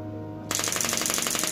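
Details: Rapid, regular sharp clicking pulses, like a fast tapping burst, from a heavy-duty shockwave therapy machine firing through a 500-pulse count before stopping automatically.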